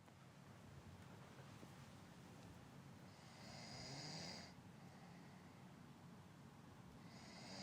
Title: Short soft snoring sound effect